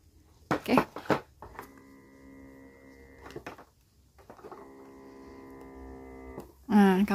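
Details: Mutter electric breast pump running in double-pump mode: two steady humming motor runs separated by brief clicks and handling noise in a small room.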